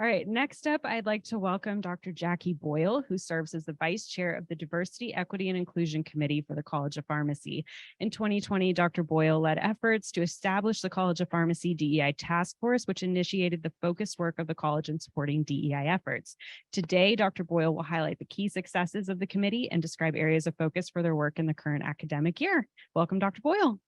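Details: Adult speaker; normal voice.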